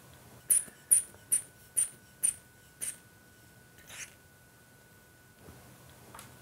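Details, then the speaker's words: Manual blood pressure cuff fitted with an automatic monitor's pressure sensor, recorded with ECG to emulate oscillometric measurement: six quick hiss-squeaks of a hand bulb pumping the cuff above the demonstrator's systolic pressure. "now let me pump the cuff up to a point Which is higher than what my systolic blood pressure would"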